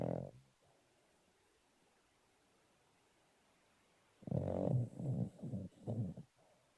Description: Tubs the rescue cavalier is asleep. How peacefully she slumbers. We can feel the sofa vibrate beneath us as she snores.